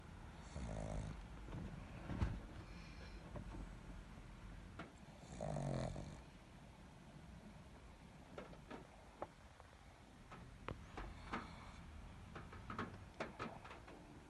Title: #pug #puglife #snoring #sleep